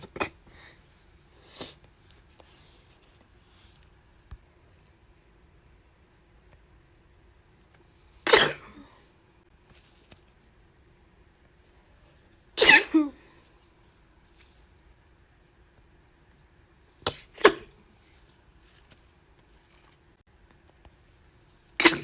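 About five sharp, explosive sneezes, irregularly spaced, in a quiet room, with a few faint sniffs between them.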